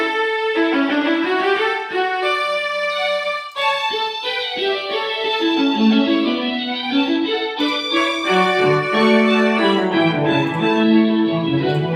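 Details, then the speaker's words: Simulation of normal hearing in the right ear (normal threshold on audiogram): full, bright classical piano and strings with no loss of high or low tones; left ear has severe-to-profound mid-to-high frequency mixed loss. "so hardly any difference at all in the right side"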